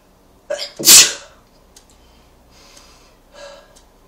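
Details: A quick catch of breath, then a single sharp, hissing sneeze with faint breathing afterward; a sneeze.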